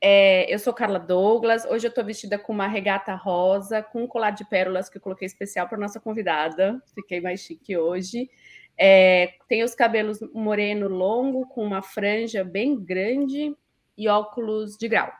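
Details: Adult woman speaking Portuguese; normal speech.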